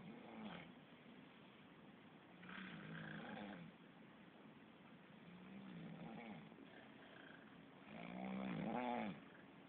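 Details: Sleeping cat: soft, regular snoring sounds, a few breaths over ten seconds, with low room noise.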